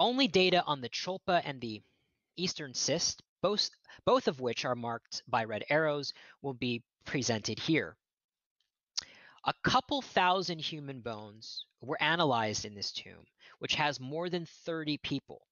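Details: Adult male archaeologist who says he stutters, giving a lecture; word repetitions in this stretch; stuttering.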